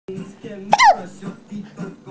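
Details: Baby who often gets hiccups: quiet talking, then one sharp, loud hiccup, a sudden gulping catch of breath with a brief squeak; single hiccup.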